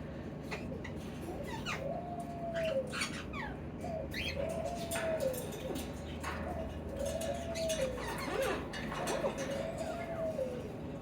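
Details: Macaw at a bird store with labored, gasping breathing: a rhythmic, tonal, rising-and-falling noise with each breath, about 28 a minute; the recorder is concerned for her health and says she needs a vet.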